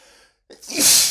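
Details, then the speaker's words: A short intake of breath, then one loud, hissing sneeze burst from a male, one of persistent sneezes triggered by inhaling black pepper while cooking. "My pepper sneezes are not rapid at all, but they sure are persistent. They they just don't stop."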